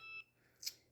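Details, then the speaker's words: Dexcom continuous glucose monitor alert, which the wearer suspects signals high glucose and hears all day: a short electronic beep followed by a faint click. "my dexcom people i'm pretty sure my glucose is probably high um but that's normal that noise you're here i deal with all day every day"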